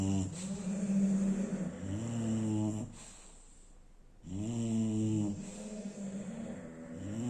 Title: bulldogs snore really loud😬😬😬but... they are still cute as teddy 🐻☺️